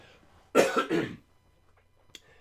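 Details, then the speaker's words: A single harsh cough running straight into a throat clear, in an adult man at the back end of getting over a cold, whose voice is affected. "excuse my voice. I'm just kind of at the back end of getting over a cold."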